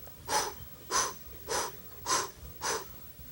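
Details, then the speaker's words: Vocal imitation in a CCRN cardiology lecture of a mitral regurgitation (insufficiency) murmur: steady, rhythmic holosystolic blowing at about 100 per minute that drowns out the lub-dub and radiates widely. "you don't even hear the lub dub you just hear the murmur which is blowing mitral insufficiency it's just pure blowing and it radiates all over the place"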